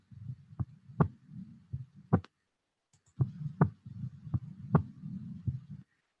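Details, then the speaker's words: Normal heart sounds from a Proctor Harvey recording in a virtual COVID-19 patient case with bilateral expiratory wheezes and inhaler use: regular lub-dub near 52 a minute, patient's breathing audible underneath. "what did we hear here sounds normal yeah I think"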